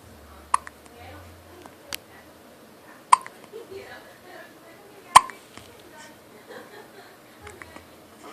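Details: A baby sitting in a lap with hiccups: sharp, brief clicking catches recur every couple of seconds, about 30 a minute, with soft murmuring in between.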